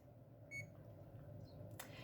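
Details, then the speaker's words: One short high electronic beep over quiet room hum as the prime-tubing prompt is confirmed on a CADD epidural/PCA infusion pump during a staff training demonstration. "la pompe va de même à me demander prime tubing oui c'est bien ce que je veux faire"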